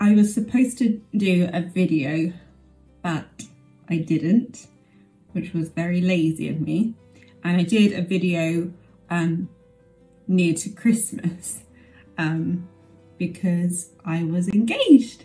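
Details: Adult woman with aphasia 11 years after a stroke.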